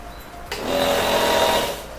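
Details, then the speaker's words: Nursing student running a function check of the nebulizer before giving nebulizer therapy to a child: compressor switches on with a steady buzzing hum; nebulizer running. "Hai begini kita pastikan dulu sampai terlihat uap yang keluar dari masker"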